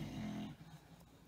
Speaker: sorry that's my dog snoring if you can hear her